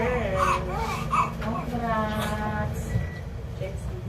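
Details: Bursts of high-pitched newborn crying immediately after a vaginal delivery, just after the final pushes and "baby out" call, with Filipino-speaking adult voices and room noise underneath; newborn cry.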